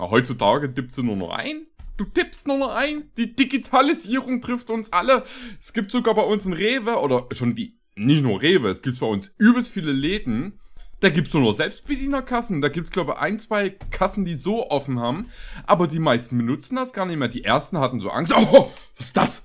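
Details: Adult speaker, German; ordinary speech.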